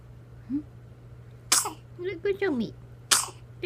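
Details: Newborn baby, 12 days after birth, hiccuping and sneezing after staring blankly: two brief, sharp sneezes with small soft vocal sounds between them and a faint steady room hum.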